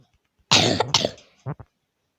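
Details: A single harsh cough then two brief throat-clearing sounds in a quiet room from a female player who says she is slightly ill; cough.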